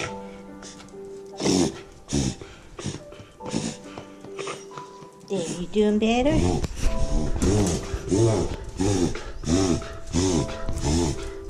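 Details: A beagle has a reverse sneeze attack lasting about 20 minutes while the owner pets and reassures her: rapid, repeated snorting honks as air is pulled in through the nose, over music.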